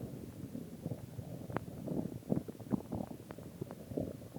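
Low, irregular gurgling and bubbling with brief squeaks; ordinary stomach growling.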